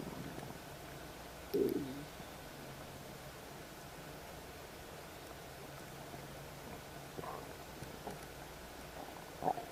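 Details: Quiet room noise broken by a brief gurgling rumble and a few fainter gurgles from the stomach of a woman who has just eaten and says she got her period; stomach rumbling after eating.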